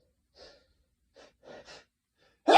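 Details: Several soft, quick indrawn breaths build to a loud burst at the end, the gasping lead-in before a run of repeated sneezes; pre-sneeze gasping.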